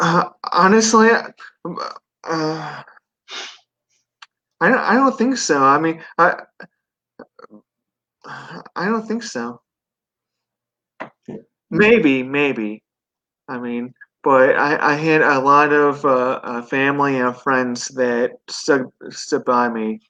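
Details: 42-year-old man, 25 years after a stroke from an artery rupture during benign brain tumor surgery at 17, left with right-sided paralysis and global aphasia, relearned speech with residual difficulty; aphasia.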